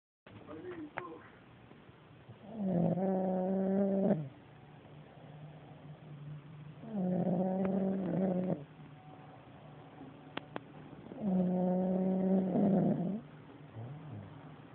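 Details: A nephew snoring at night gives three loud, rough, voiced snores on breathing in, about 14 a minute, with quiet breathing out between them; snoring in sleep.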